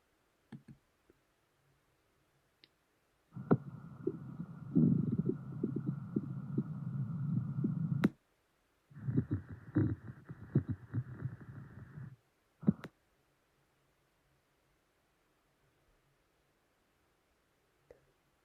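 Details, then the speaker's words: Auscultation of all four abdominal quadrants in a febrile adult HIV/AIDS case-study patient with weakness, 210 ml stool output and right upper quadrant tenderness: low-pitched gurgling and rumbling bowel sounds. "so upon auscultation a low pitch vowel sound in all four quadrants are heard and this is the sound of it"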